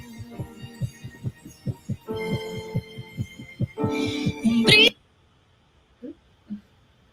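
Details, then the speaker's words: Young child's recorded heartbeat, used in end-of-life music therapy, thumping rapidly and unevenly beneath sustained music tones: an irregular heartbeat. "you can hear that that that was a young child and you can hear the irregular heartbeat and it's something very personal"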